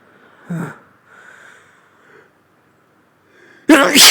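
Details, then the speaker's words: Adult sneezing outdoors, blamed on their allergies, with an itchy, stuffed-up nose: two loud sneezes in a row, the first small and the second a forceful burst. "oh I always just get so Sneezy when I'm Outdoors oh here comes another one oh it just makes my nose so"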